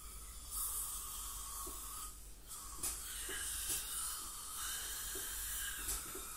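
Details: Teeth cleaning by a dental hygienist on a patient with heavy plaque and tartar, possibly scaling with gingival inflammation or full-mouth debridement: steady high hiss and spray, suction noise and faint scraping ticks of ultrasonic scaling.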